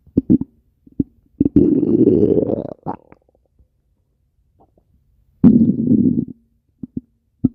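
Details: Low gurgling rumbles in two longer stretches, with brief pops and squelches between quiet gaps; stomach growling (borborygmi).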